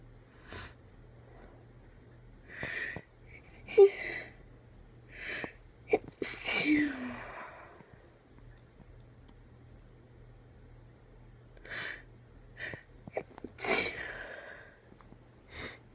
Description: Woke up with a tickle and decided to induce it out. Just a small fit for the first time.